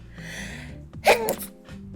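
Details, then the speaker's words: Single loud sneeze with a sharp intake of breath before it, from a female VTuber streamer mid-stream who first says she feels a sneeze coming and apologises; background music; sneezing. "Oh, I can feel like a sneeze coming. I'm sorry. I'm sorry."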